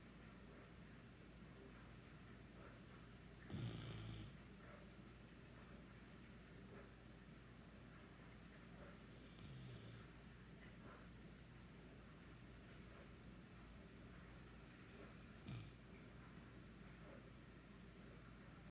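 Soft snorting snores roughly every six seconds, about 10 a minute, over steady room hiss. Snoring during sleep.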